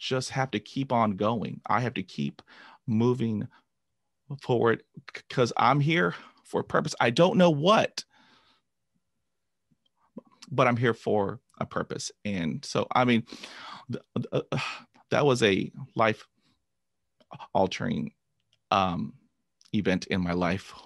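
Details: Adult man who began stuttering at age 5 after a traumatic dog attack and has had 20 years of speech therapy. Finding: stuttering.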